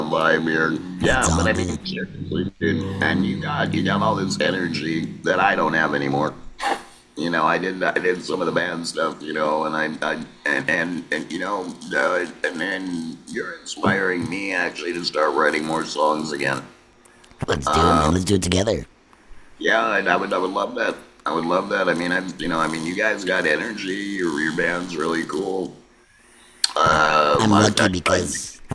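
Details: Laryngectomee man who speaks with an electrolarynx (artificial voice) and gets scoped regularly; electrolarynx speech.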